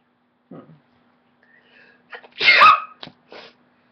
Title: Sneeze 2